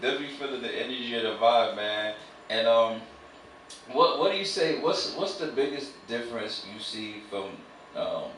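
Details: Adult male speaker; normal conversational speech.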